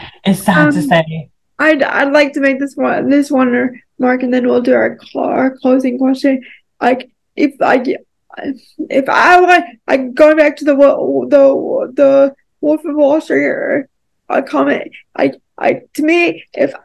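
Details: Dysarthria in a woman with a more severe form of cerebral palsy, who says it is harder for her to talk.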